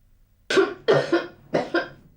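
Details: Whooping cough (pertussis) in an elderly woman with a persistent cough for three months, confirmed by blood test: a short run of five harsh, closely spaced coughs.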